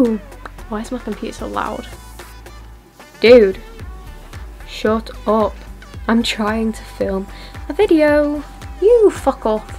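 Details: Tourette syndrome vocal tics (coprolalia) in a woman with severe Tourette syndrome, with tic outbursts including swearing while filming.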